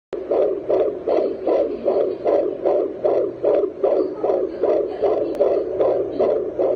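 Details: Home fetal Doppler (JPD-100E) recording at 13 weeks of pregnancy: rapid, regular whooshing pulses of a fetal heartbeat at about 154 beats a minute.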